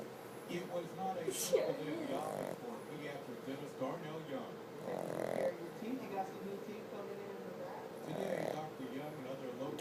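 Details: Female pug in deep sleep, snoring with eyes open and not waking even for a treat: low, rumbling snores repeating with each slow breath, with faint room noise.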